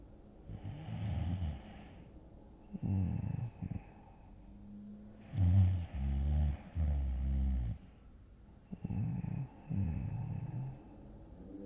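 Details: Acted ASMR role-play of falling asleep next to a boyfriend on a Sunday morning: soft, low, rumbling snores in a slow, regular rhythm, about four in twelve seconds; simulated light snoring.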